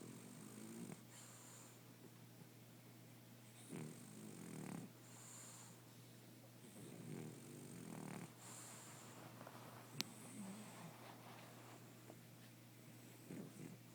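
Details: Nightly snoring on the eve of a nose operation and what is described as losing his manhood: soft, snuffly snoring breaths with a faint whistle, repeating every few seconds over a steady room hum.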